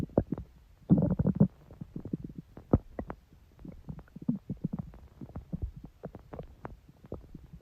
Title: Stomach growl. Long